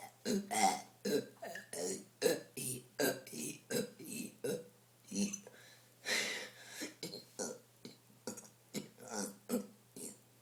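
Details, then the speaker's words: A kid doing a burp challenge after drinking gives a rapid run of loud, deep, croaking belches, more than a dozen in ten seconds; repeated burping. "I am epic at burping, guys. Absolutely epic. Here I go."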